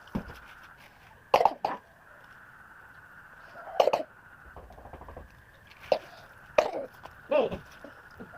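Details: A child coughing again: short coughs, about four or five bursts, some paired, against a steady background hum; cough.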